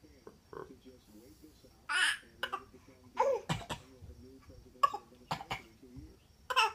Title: Baby cough w daddy